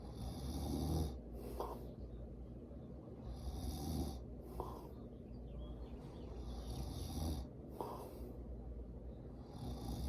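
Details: Low, rattling snores recur about every three seconds, roughly 18 to 20 a minute, with soft breathy gaps between them, recorded at grandmother's house: ordinary snoring.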